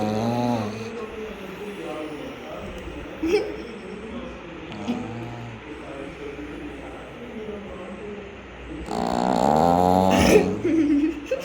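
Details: Pug dog snoring: repeated low, rattling, snorting breath noises, loudest near the end, with steady background hum; snoring in a flat-faced dog.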